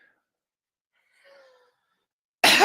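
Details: Adult with allergies that can set off asthma, without an inhaler, gives a single loud cough at the end after near silence with a faint thin tone; wheezing was denied.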